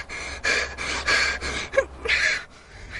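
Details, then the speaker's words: Quick, noisy gasping breaths in a fast in-and-out rhythm, air hunger in a girl with asthma whose attack was set off by furniture polish spray, with chest tightness and tingling lips; an educational film. "then I stopped breathing in and out really fast I feel like a cat catching breath"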